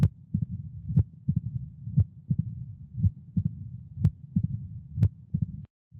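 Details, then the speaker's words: Mitral stenosis in a real patient: loud S1 at about 60 beats per minute, quiet systole, then S2, an opening snap and a low rumbling diastolic murmur that grows louder just before S1. "the loudest sound here is s1 as you'd expect systole is totally quiet then you have s2 and then an opening snap and then a rumbling diastolic murmur that gets louder right before s1"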